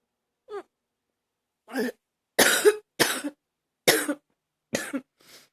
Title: #38 simply coughing